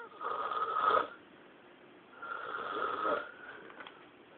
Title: hair-bag snoring